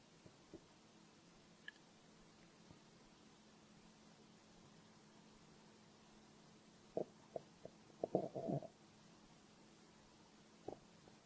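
Quiet room, then a short cluster of gurgling, bubbly rumbles: ordinary stomach growling from gas and fluid moving through the gut.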